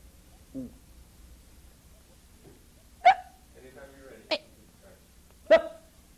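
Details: Simple vocal tics (barking) produced on request by a patient with Tourette syndrome, a neurological involuntary movement disorder, in a 1988 diagnostic guide.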